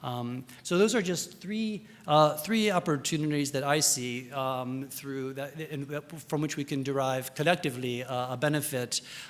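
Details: Adult male speaker; Normal voice.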